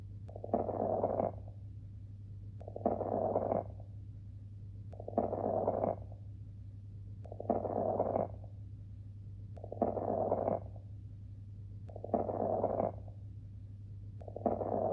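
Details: Fine crackles (râles crépitants): regular breaths, about 26 a minute, each with a crackly rough quality.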